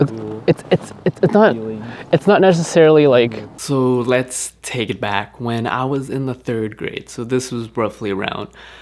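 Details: 24-year-old man with stuttering since about age 9 or 10, self-described as frequent but not severe and not impeding daily life; uses filler words to reduce stutters; unedited casual speech; stuttering.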